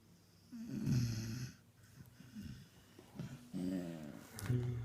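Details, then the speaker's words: Sleeping beagle, possibly dreaming: low rattling snores with quieter breaths between; ordinary snoring. "He's a snorty dog."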